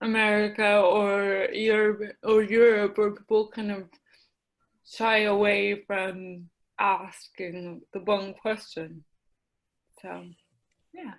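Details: Adult woman with mild cerebral palsy affecting her speech, the right side of her face and the right side of her body, with a self-described speech impediment and ADD; dysarthria (cerebral palsy).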